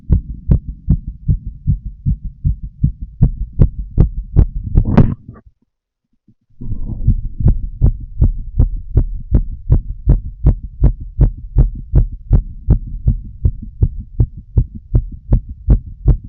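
Fast, regular thudding heartbeat, roughly 80 beats a minute, with a brief rustle and short gap midway; plain heart sounds.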